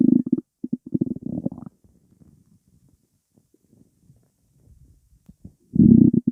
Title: Stomach rumbling